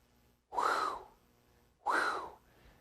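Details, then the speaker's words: A vocally imitated crescendo-decrescendo (diamond-shaped) systolic murmur: two breathy whooshes, each swelling then fading. "crescendo decrescendo murmur has shape to it so it it kind of goes it crescendos and then it decrescendos exactly as the name implies uh it's also known as a diamond shaped murmur"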